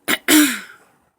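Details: Person with hiccups for about 20 minutes: a short harsh burst followed by a longer rasping throat-clear.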